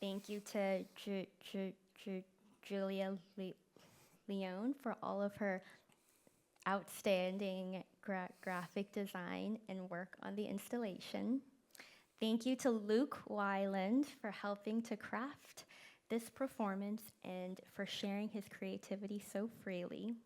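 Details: Person who stutters, speaking at a live event; stuttering, described as a neurological disability causing prolongations, repetitions and blocks.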